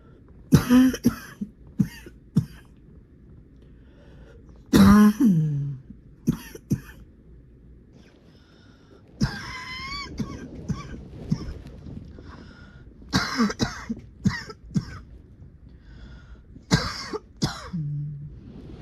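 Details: Nocturnal coughing fits in the middle of the night from someone coughing all night long: repeated harsh coughs and throat clearing in bursts, with quiet gaps between, in a quiet room.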